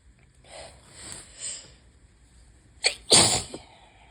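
Soft breathy build-up followed by two sharp, forceful sneezes. Repeated sneezing of allergic rhinitis.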